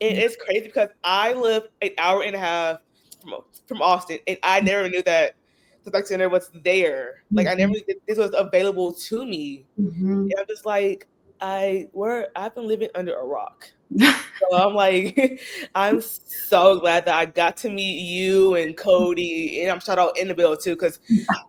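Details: Adult woman who stutters; stuttering.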